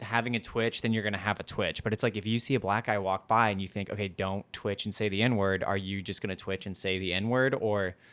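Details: Adult male speaker; normal speech.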